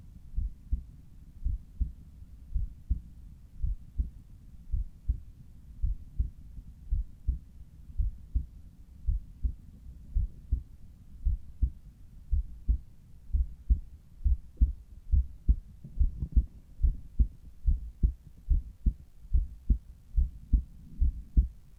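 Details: Normal heart sounds at the apex heard with a Littmann Cardiology 4 stethoscope, steady regular rhythm at about 71 beats a minute.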